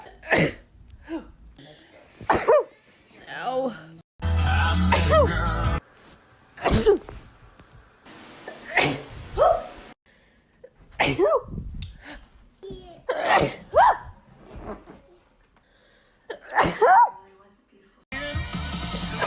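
A string of separate sharp sneezes with in-breaths before them, several different voices, with short music breaks between them.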